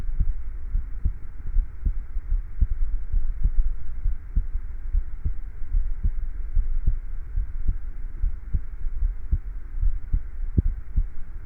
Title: A Short and Steady Heartbeat Recording